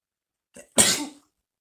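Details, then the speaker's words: Adult male K-pop singer gives a brief soft intake of breath, then a sudden loud hissing burst that fades within half a second, called a wrong sneezing habit afterward; a single sneeze. "이건 잘못된 재채기의 습관입니다 여러분"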